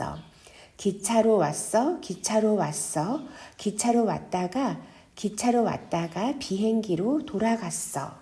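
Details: Adult woman, imitated demonstration; Stuttering (phrase repetition).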